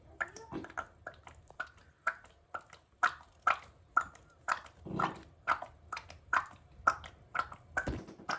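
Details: Irregular short squelching clicks and gurgles, roughly two a second, from an overweight pet cat's belly when it is touched; harmless gut noises, said not to be illness.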